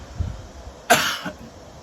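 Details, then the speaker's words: Single short, dry cough from an adult woman who has a lingering little cough after earlier coughing, in a quiet room. "I'm not even channeling now, and I got a little cough still."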